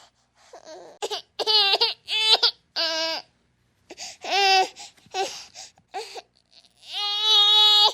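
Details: Infant crying sound effect: high-pitched wails in repeated bursts with brief gasping pauses, ending in a long sustained cry.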